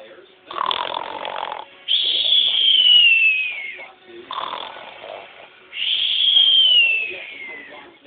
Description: LOL! She's snoring! She's sooo cute!